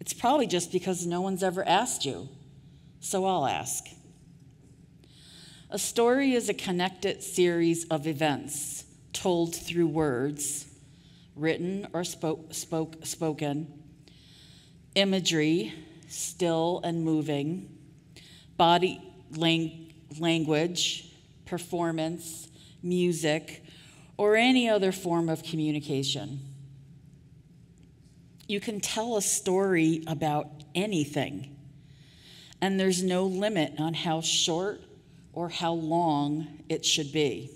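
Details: Adult woman who stutters, giving a conference keynote speech; audible part-word repetitions; stuttering.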